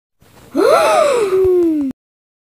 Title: everyone gasping sound